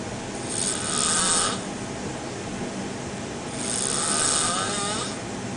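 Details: A sailor snoring while asleep on a boat in the middle of the ocean: two breathy, rasping snores about three seconds apart over steady background noise.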